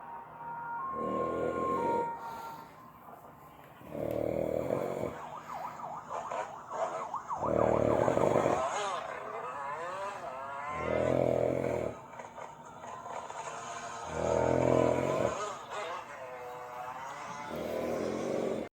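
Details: 28-year-old man asleep after taking Xanax: loud rhythmic rattling snores about every three and a half seconds, with softer whistling sounds between them; snoring.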